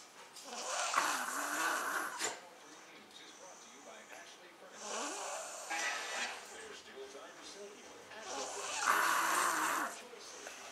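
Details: Adult man snoring: loud rasping snores on each breath in, about three in ten seconds, with softer breathing between.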